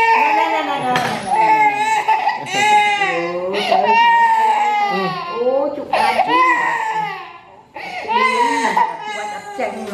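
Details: Sustained, loud, tonal crying from a baby in repeated wails with brief breaths between; a hunger cry while waiting for food.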